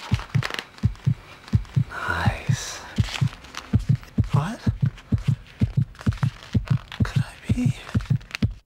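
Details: Staged TV commercial: a teenage boy listens to his own heartbeat with a stethoscope. Steady, paired, low thumps at about 64 beats a minute with some rubbing noise; an ordinary heartbeat.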